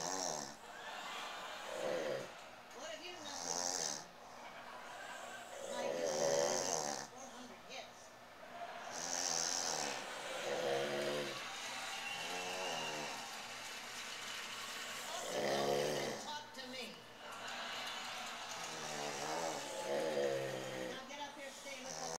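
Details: Exaggerated, layered, overlapping voiced snoring and snorting from a sleeper in a "snore battle", possibly playful imitation rather than natural sleep snoring, recorded January 2010 on a Flip Video camcorder.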